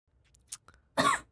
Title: Girl coughing 65